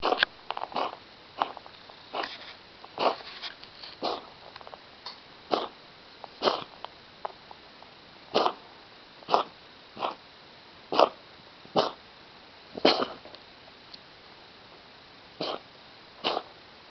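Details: A 10-year-old female ragdoll cat gives a long run of short, dry, hacking coughs with brief pauses. The cough occurs only at night, several times a night, and began about a week ago, with no food or litter changes.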